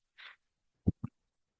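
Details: The speaker's own mechanical ventilator: a brief soft airy hiss, then two dull low thumps a moment later, one breath cycle with airflow and valve clunks.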